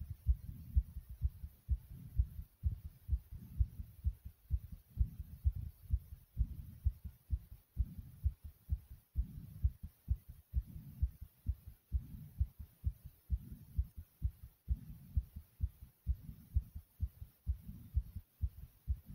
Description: Listen to the thumping sound of my heart beating through my chest.